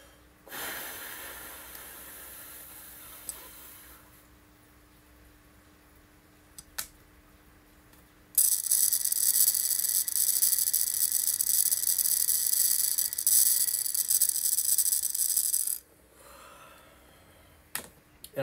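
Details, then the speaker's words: Deep breathing with an inspiratory training tool (incentive spirometer) after a full exhale, used for relearning to breathe and for exercise-induced laryngeal spasms: brief exhale, then a long, steady hissing inhale of about seven seconds. "you're going to do a full exhale as much as possible which is going to allow you to do the full inhale so this is how it's going to look"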